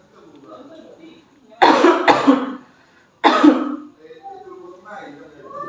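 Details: Three muffled, deliberate coughs from an adult, two close together then one more, staged as a demonstration by a midwifery student of proper cough etiquette, covering mouth and nose.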